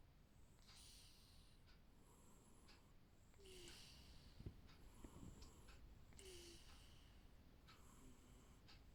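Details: Light snoring: soft, rhythmic snorting breaths, about six over nine seconds, with faint room noise.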